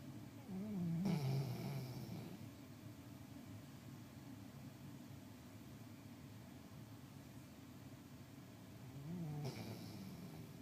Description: the dog was snoring so loud she woke up my husband, who was taking a nap.